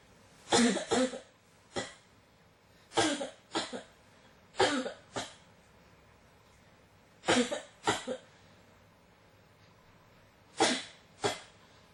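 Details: Persistent cough: repeated dry cough bursts in clusters of two or three, about 13 coughs over twelve seconds.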